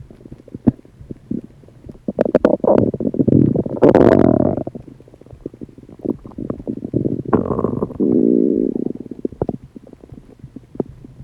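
Loud, irregular gurgling and rumbling with longer growling runs: active digestive bowel sounds.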